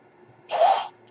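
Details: The speaker's own mechanical ventilator, audible in the background while he talks; one breath cycle of the ventilator.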